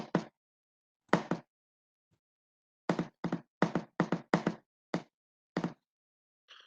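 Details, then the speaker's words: Simulated arrhythmia knocked out in a cardiomyopathy lesson: paired beats, a pause, then a faster uneven run, mimicking a rhythm that swings from about 100 to 60 beats per minute. "Entonces el ritmo está alterado. De pronto lo ponemos a un ritmo de 100 latidos por minuto y al otro rato está pasando a un ritmo de 60 latidos por minuto."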